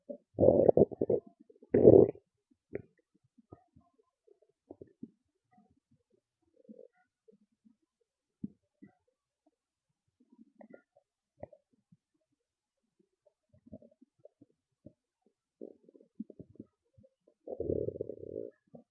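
Loud low gurgling stomach growls at the start and end, with scattered soft gurgles between; ordinary bowel sounds of a growling stomach.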